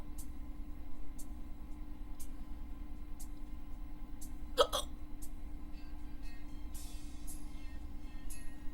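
Brief sharp catches of breath repeat about once a second over steady low background hum. These are hiccups.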